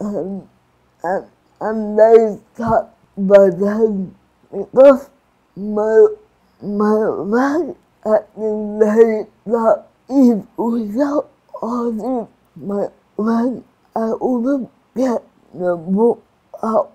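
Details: Adult woman with cerebral palsy and restricted movements; dysarthria (slurred speech) in cerebral palsy.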